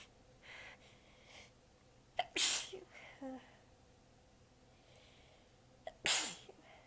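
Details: Faint breathy build-ups and two sharp, partly stifled sneezes amid quiet room hiss; the person was exhausted with sore abs and biting sneezes back during a massive fit. Sneezing fit.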